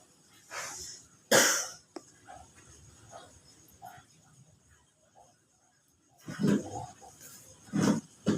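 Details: Cough with feverish, achy body: two loud harsh cough bursts with smaller throat sounds between them, then more coughing near the end, in a quiet room.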